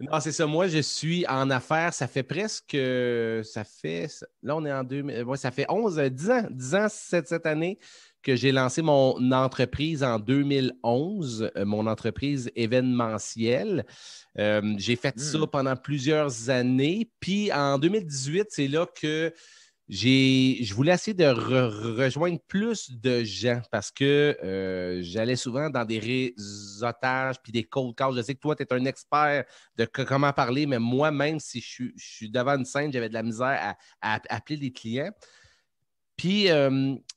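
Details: French-speaking adult man, self-described stutterer who says he stutters quite a lot and that it becomes more noticeable as the interview goes on; stuttering.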